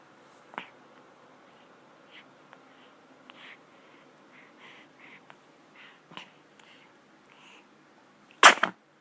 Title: Sneezes. Yes, a baby being a baby